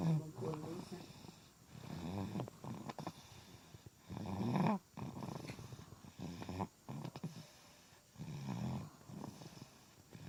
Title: Lucu Bayi Tidur Ngorok